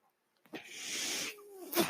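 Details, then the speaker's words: Real recording: the speaker's own ventilator heard as he talks, a brief silence, then a soft rushing hiss of air with a faint falling tone during a delivered breath. Mechanical ventilator sound. "hello everyone my name is that noise you're hearing is like ventilator"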